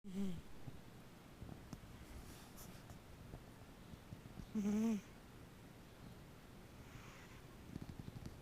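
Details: Sleeping cat snoring: two loud, low, buzzing breath sounds several seconds apart over quiet room noise.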